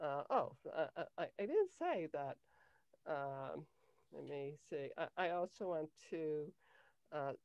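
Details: Cluttering in an adult woman, onset in early childhood; language-area speech problem diagnosed at age 10, later identified as cluttering by her speech therapist; trouble organizing thoughts while speaking.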